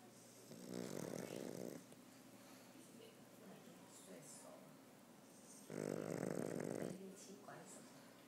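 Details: Sleeping male: two long, loud rattling snores about four seconds apart with quiet breathing between; snoring.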